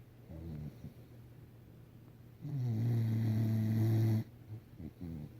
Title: snores